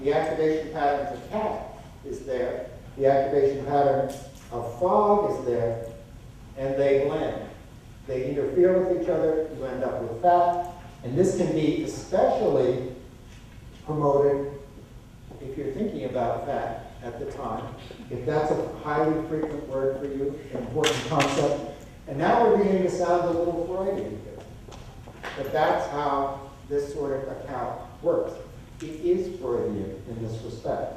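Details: Adult male lecturer; typical speech.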